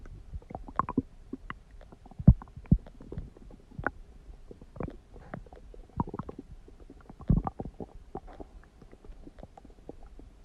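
Frequent low gurgles and rumbles of varying loudness, the ordinary bowel sounds of stomach growling.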